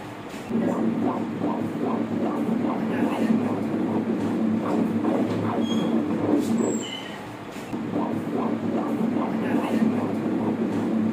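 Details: Normal fetal heart sound on ultrasound Doppler: rapid, regular whooshing pulses at about 150 per minute, a normal fetal heart rate.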